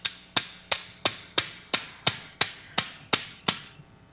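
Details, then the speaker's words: Eleven sharp, evenly spaced metallic mallet taps, about three a second, driving a slotted tissue dilator over a guide wire during sacroiliac joint fusion surgery. "and you can see it just goes right over that wire like so and then i can start to mall it"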